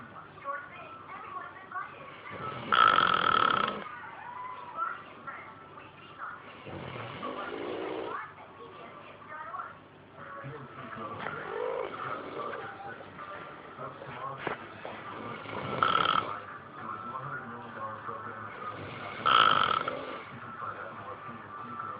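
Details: Snoring: loud, harsh, buzzing snores every few seconds, each a long rattling in-breath, with quieter breathing between.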